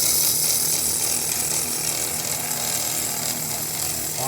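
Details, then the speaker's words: Asthma nebulizer compressor, used as an aquarium air pump, running again after repair of its worn plunger: a steady, loud buzzing rattle of the motor running normally. "i don't know if that little motor is going to have enough gumption to accidentally tighten it a little there we go so snug this rascal back down all right it's working"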